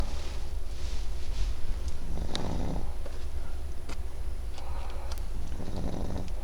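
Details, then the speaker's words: A Pekingese dog snoring loudly while asleep. "He's snoring, baby. He's snoring. He's snoring. He's sawing logs."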